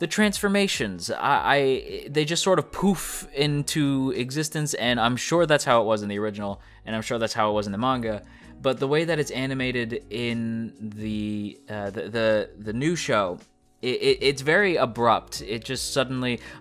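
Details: Male speaker who describes his own speech as stuttering; part-word and whole-word repetitions, consistent with stuttering.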